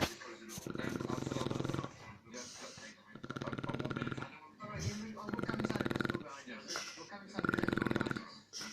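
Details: Shar Pei dog snoring like a human: loud, fluttering, rattly breathing sounds repeat in about four cycles with quieter gaps between them.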